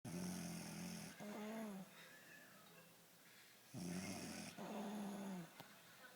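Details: Sleeping adult woman snoring, with chocolate on her nose; two loud snoring breaths, each a rattling intake followed by a low groaning, whining breath out: snoring.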